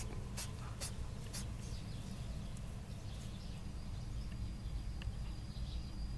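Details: Pet rabbit sneezing dozens of times with an apparently itchy nose, owner worried but rabbit well days later: three quick sharp little puffs in the first second and a half, then one more, over low room rumble.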